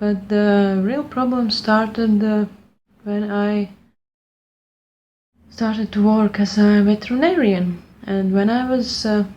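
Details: Stuttering since childhood in an adult woman speaking English, not her first language, after a fluency speech program; audible phrase repetition.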